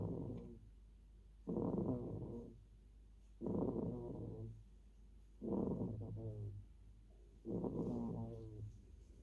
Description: ball-o-possum snoring behind the dryer